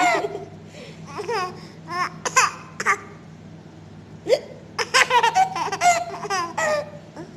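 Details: Baby with hiccups while laughing and enjoying them: laughter and squeals with short abrupt catches in the voice.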